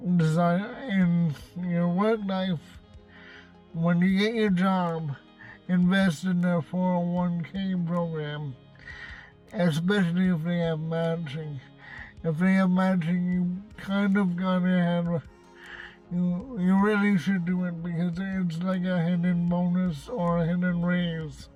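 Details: Adult man with cerebral palsy and a self-described speech impediment, speaking in his car; dysarthria (cerebral palsy)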